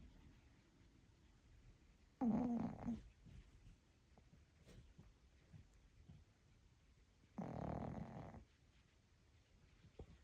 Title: Cute puppy snoring sounds